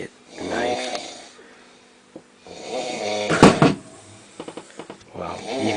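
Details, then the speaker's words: A sleeping man snoring, recorded by a sleep-deprived friend staying with him: loud, rough, rattling snores on breathing in, separated by quiet pauses, in a small room. "this is what you sound like when you snore i could kill you remember that right now i could kill you with one of my dull knives because i haven't gotten sleep for about two weeks"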